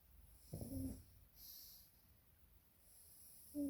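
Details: Snoring from Aisha, a pug (flat-faced breed) at rest: two short, rough, tonal snore sounds with a faint snort between them.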